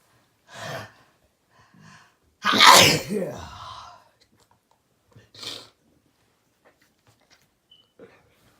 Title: More cold sneezing and coughing